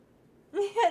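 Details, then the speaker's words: Two tiny, quick sneezes in close succession from a pet kitten after a moment of quiet. "did any of you hear that that was Artemis she just had to little kitty sneeze"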